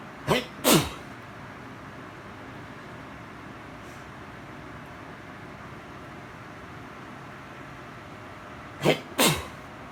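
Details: Late-night allergy sneezes while in bed ready to sleep: two double sneezes, each a sharp intake followed by a forceful burst, with quiet room noise between them.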